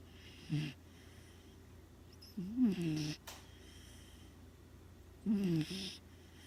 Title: Trigger snoring